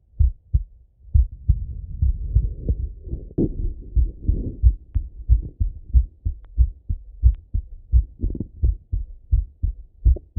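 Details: Self-auscultation of an adult male's heart with a stethoscope while he falls asleep; steady low lub-dub beats at about 90 per minute with soft chest-piece rustling; normal heart sounds.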